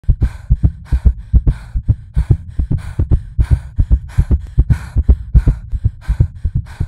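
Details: Artificially created, edited heartbeat simulating anxious palpitations that slow from 180 to 60 bpm: fast, steady low thumps with a breathy hiss over each beat; rapid heartbeat (tachycardia).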